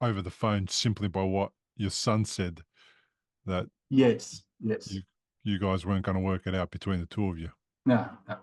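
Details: Adult male speaker; normal speech.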